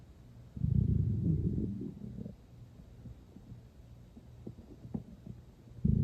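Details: Loud, low two-second rumbling gurgle, then quieter bubbling and a final rumble: stomach growling (borborygmi) in someone not very hungry who ate not long before; water drunk toward the end.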